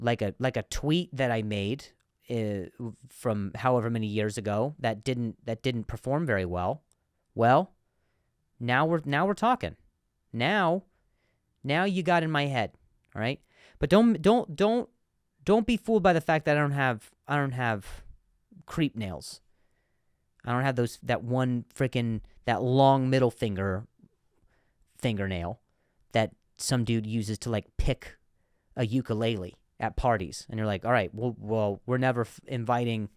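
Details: Adult male comedian who speaks with a stutter, in a podcast monologue; word repetitions are heard; stuttering.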